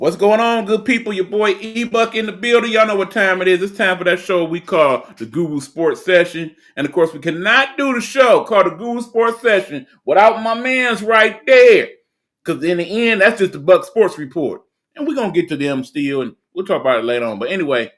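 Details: Adult male speaker; normal speech.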